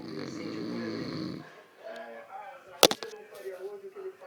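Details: Man snoring: a low, rattling snore for the first second and a half, followed by quiet room sounds and a sharp knock.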